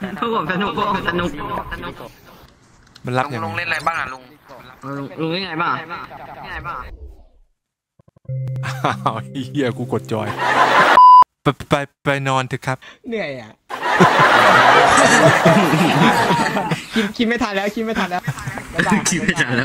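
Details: Male Thai speaker deliberately imitating a stutter as a prank, not a genuine disorder; imitated stuttering.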